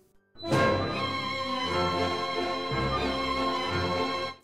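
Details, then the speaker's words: Simulated tinnitus: a steady high-pitched ringing tone laid over orchestral classical music, demonstrating how tinnitus can alter listening. "tinnitus can sound like this or like this but tinnitus can sound in many different ways"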